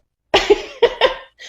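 An adult imitates a loud, explosive sneeze in several voiced bursts, a deliberate imitation rather than a real one.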